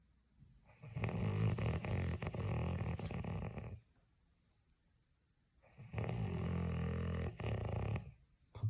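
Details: Two long, loud, low rattling snores on inhalation, separated by a quiet pause, in a woman sleeping and talking in her sleep: snoring.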